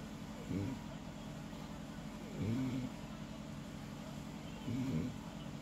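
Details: Snoring again, not as loud this time: three low, rumbling, fairly soft snores about two seconds apart over steady room noise.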